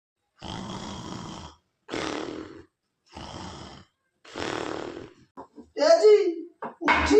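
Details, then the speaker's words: Simulated snoring by a husband character in a Hindi comedy skit: four long, rough, rattling snores about a second each, likened to a tractor, then brief voiced sounds. "और बिना bike के तो नाक से tractor जैसा आवाज निकल"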